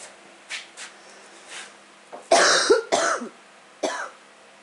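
Several loose, harsh coughs in a short burst from an adult recovering from the flu, with quiet room noise.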